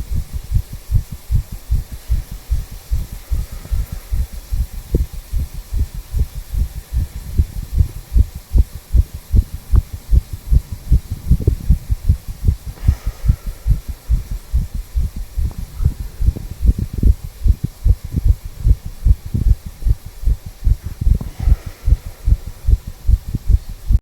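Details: Heart sounds of a 34-year-old male through a stethoscope at the tricuspid valve area, lower left chest: steady lub-dub heartbeat at about 75 beats a minute.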